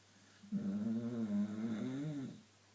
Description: Our Staffy snoring her tits off